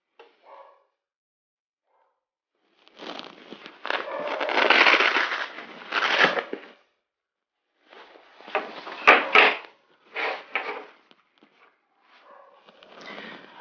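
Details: Omron HEM7120 automated oscillometric blood pressure monitor: bursts of motor buzzing as the electric pump inflates the arm cuff, then quieter hissing pulses as air is released during the reading, fist relaxed.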